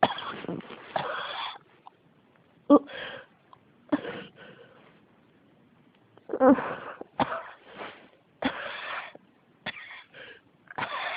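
Repeated harsh coughs in irregular bursts over about ten seconds, some in quick runs; a persistent cough that keeps returning.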